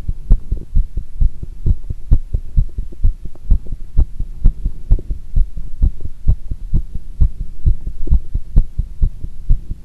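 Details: Rapid heart sounds recorded while the person does squats.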